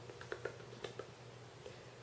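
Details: Adult with oral tardive dyskinesia attributed to psychotropic drugs, with dystonia and a neck collar, sitting in pain; soft, wet lip-smacking clicks in a quiet room: oral tardive dyskinesia.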